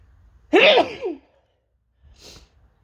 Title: Desperate Sneezing